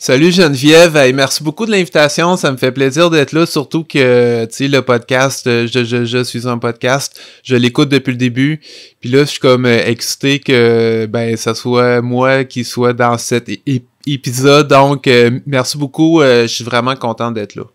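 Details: Stuttering in an adult man who stutters.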